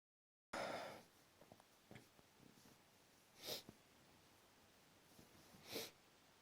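Two short, sharp sneezes a couple of seconds apart in a quiet room, with faint sniffing between; repeated allergic sneezing.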